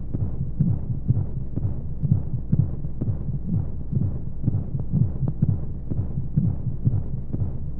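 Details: Womb sound played as a baby sleep aid with white noise: steady, muffled, low heartbeat thumps, about 125 a minute, under a constant whooshing hum, as heard from inside the womb.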